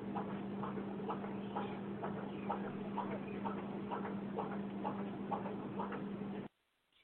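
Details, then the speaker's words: Heartbeat said to be a deceased woman's donor heart now beating in a 12-year-old child; soft, fairly regular thumping about 64 beats a minute under steady hum and hiss, ending abruptly. "That sound that you just heard is actual heartbeat that is now in the body of the 12-year-old child."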